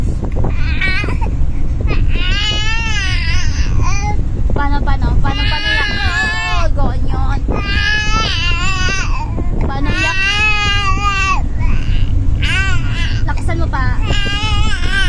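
Repeated rising and falling wailing cries with breaths between, a baby putting on an acted, pretend cry rather than a distressed one.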